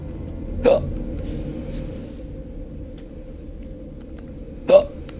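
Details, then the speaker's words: Two short, sharp hiccups about four seconds apart over a steady low background hum, from a person while playing a video game; hiccups. "It's hiccup o'clock. The sound of hiccup o'clock."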